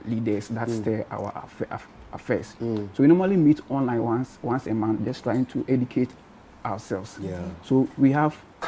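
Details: Adult man from Ghana who has stammered since birth; stuttering (stammering).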